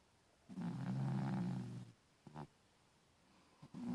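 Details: A cat snoring: one long, rumbling snore followed by short snorting breaths.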